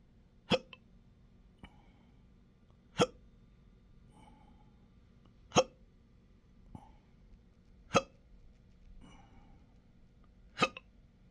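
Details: Intractable hiccups with belching, choking spasms and developing achalasia since December 2015, now 12-hour episodes seven days a week: five sharp hiccups about every 2.5 seconds with faint gulps between; persistent hiccups.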